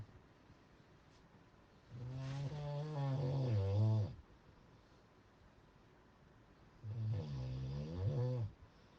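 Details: Two loud, deep, rattling snores on breathing in, each about two seconds long, separated by quiet pauses; heavy snoring.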